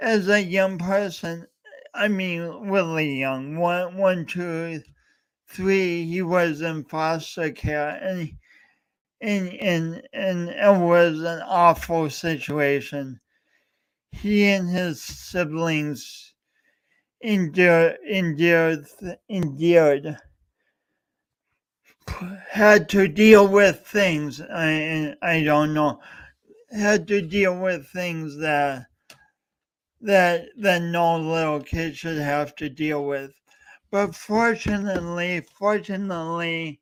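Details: Real stuttering with frequent word repetitions in a male speaker, heard during a three-hour live talk-a-thon marking speech impediment day.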